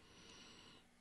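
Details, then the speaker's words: One harsh, noisy breath with a faint high whistling edge, audible on the microphone during speech, from an adult with idiopathic subglottic stenosis (narrowing just below the vocal cords); stridor. "I know it's gotten to the point where you can hear my breathing on the microphone"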